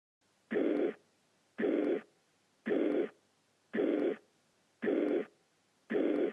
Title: Mitralklappeninsuffizienz - Herzgeräusch - AMBOSS Video